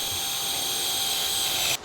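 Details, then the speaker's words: Powered drill boring a bone tunnel to 30 mm depth, directed slightly anterior to avoid the ACL tunnel, in knee posterolateral corner reconstruction: steady high-pitched whine without pause, cutting off abruptly. "so i direct this slightly anterior so that i'm not going to interfere with my acl tunnel now i want to go to a depth of 30 millimeters"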